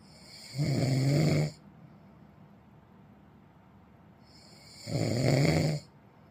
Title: เสียงกรน snore sound